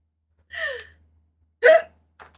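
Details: Streamer talking in a quiet room: two abrupt, voiced catches about a second apart, hiccups.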